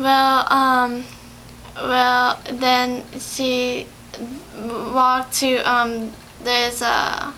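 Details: 17-year-old female in speech therapy in April 2011, about two months after an ischemic/hemorrhagic stroke on February 27, 2011 from a longboarding/snowboarding incident: aphasia.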